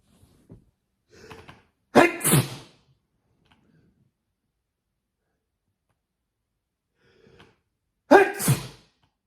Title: More big sneezes